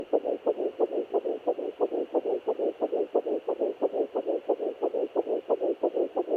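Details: Fast, steady whooshing pulses on a fetal Doppler at 9 weeks 5 days of pregnancy, about 176 beats a minute; fetal heartbeat.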